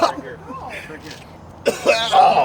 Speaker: I can't call me it's a cake to my throat Oh God keep going to water and that's the cinnamon challenge